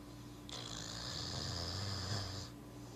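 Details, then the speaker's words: Dog sleeping on a couch after a hard day, snoring: a long, low rumbling snore over one slow breath with a raspy hiss layered on top. "This is our dog Roscoe. He's snoring right now."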